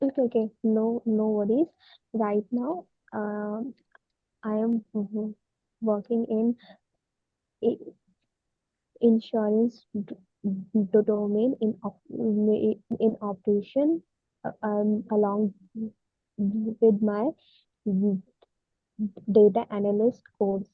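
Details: Woman whose stammer is worsening; she cannot say what she wants and her mouth freezes on words: stammering.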